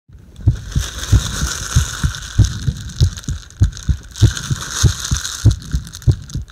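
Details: Heart sounds during bag breathing: regular, steady heartbeat at about 100 beats a minute with a soft hiss of breathing behind.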